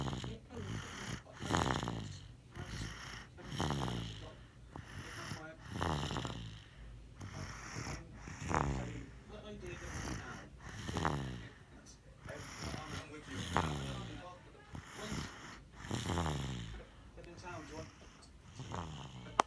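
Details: Baby snoring during sleep: repeated rough, rattling breaths with voiced snorting bursts, about 24 a minute and somewhat uneven.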